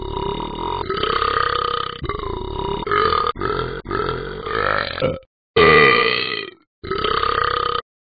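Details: Dog burping: long, loud, rumbling belches, several in a row with brief pauses between them.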